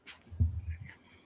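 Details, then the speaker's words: A single small-dog sneeze from a puppy right by the microphone: a brief, sharp, airy burst followed by low muffled thumps and room rumble. "Oh, yeah. Did Maddox just sneeze? He did."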